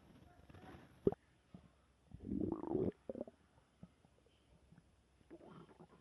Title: Stomach growl